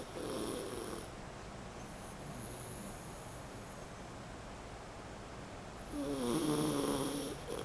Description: Here is my mini schnauzer, Whisky, deep in slumber land, snoring endearingly like a little piglet! :)